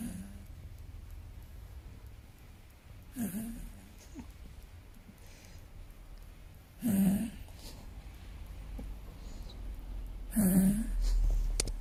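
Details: Sleeping dog snoring with three low, rattling snorts about every three to four seconds; ordinary snoring.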